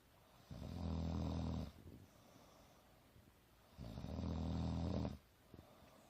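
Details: Adult woman napping on a couch, snoring: two loud, deep, rattling snores on the in-breath, about three seconds apart, with quiet breathing between; heavy snoring during sleep.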